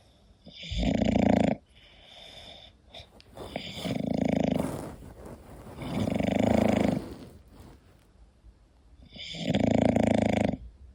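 Loud, rattling snores with each breath in, about 20 a minute, from a sleeping dog; typical snoring of a short-nosed breed.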